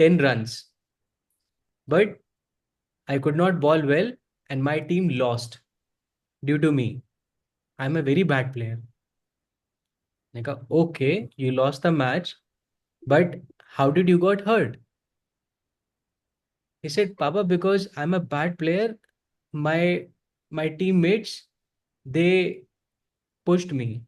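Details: Adult male who describes himself as a person who stutters and is ashamed to stutter in front of people; audible sound repetition mid-sentence; stuttering.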